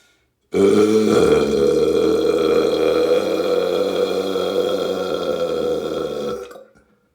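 One long, loud, rumbling burp lasting about six seconds, steady throughout before fading out; prolonged belching.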